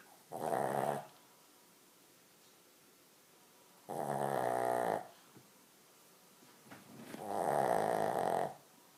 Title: Dogs snoring